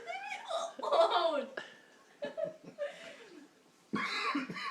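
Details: Laughter broken by sudden short gulping catches; hiccups interrupting laughing.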